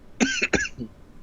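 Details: A short double cough or throat clear with a brief voiced tail, from someone coughing repeatedly while playing a video game.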